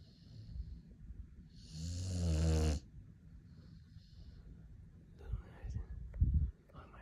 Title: Snoring Pitbull (5 months old)